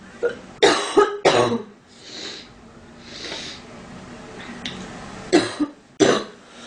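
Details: Girl with a stuffy, itchy nose in cold weather coughing: harsh bursts, often in pairs, with breaths and soft throat sounds between; repeated cough.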